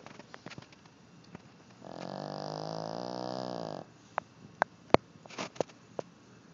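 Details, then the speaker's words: A single drawn-out, rattling snore of about two seconds, then quiet breathing with small clicks and rustles; snoring in a deeply sleeping male dog. "This is the sound of a dog sleeping. Or a motorcycle, I'm not sure."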